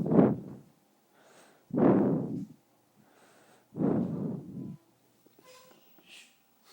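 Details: Five-month-old baby snoring while asleep on his father: three low, rough, snorting breaths about two seconds apart; snoring.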